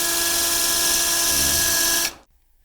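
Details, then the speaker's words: High-pitched steady drill whine for about two seconds, then stopping, as a surgical drill bores through the guide for the first arm of an 11 mm OSSIOfiber compression staple in an Akin osteotomy of the big toe; demonstration procedure. "so we'll go ahead and start our drilling I'll place my guide here where uh I'd like to insert the staple drill to the positive"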